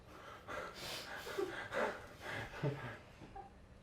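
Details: Two-year-old girl cooking pastry: several quick, breathy gasping inhalations and snorts, the build-up sounds before a sneeze.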